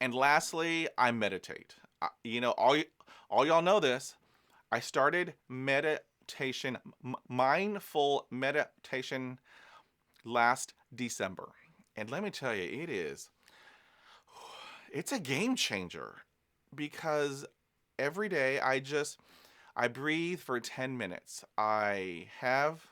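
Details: Adult man who is a person who stutters; he says stress and exhaustion make his stuttering worse; stuttering.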